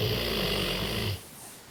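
One rough, rattling snore on an in-breath, then quiet; ordinary snoring.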